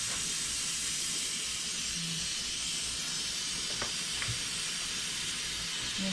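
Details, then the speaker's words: Steady airy hiss of strong suction drawing in air, with a few faint clicks, from high-volume dental suction running through an M7 HVE suction mirror, demonstrated by a dental hygienist; dental high-volume suction running. "now i want to see how this works in action so i'm going to turn on my suction here you can hear it you can see all these holes around the mirror itself"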